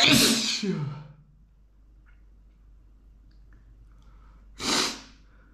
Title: Dusty flowers makes me explode in sneezes (M)